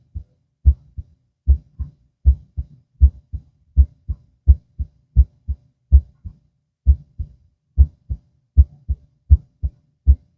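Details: Normal heart sounds on auscultation with the subject lying down, recorded for two minutes at each auscultation site.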